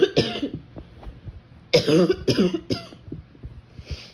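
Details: An adult woman with ragweed-season allergies gives four harsh, abrupt, barking coughs while lying in bed, then a soft breath, with her phone recording from among the covers: barking cough.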